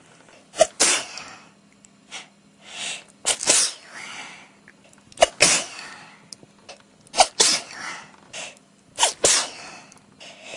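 An adult sneezes about five times in rapid succession, each a sharp explosive burst preceded by a quick inhalation and followed by sniffing breaths: a sneezing fit.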